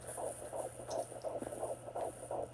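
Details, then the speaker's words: Fetal heartbeat on home Doppler, first time heard, rate about 140s to low 150s (165 reported earlier, device not counting reliably); rapid rhythmic whooshing pulses over a steady hum. "definitely not my heartbeat oh I know it's way too fast way too fast I was picking it up earlier it's in the 40s 140s 150 lows"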